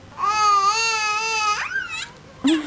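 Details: Angry baby crying while left to watch TV: loud, sustained, high-pitched wail then a short rising cry; vigorous infant crying.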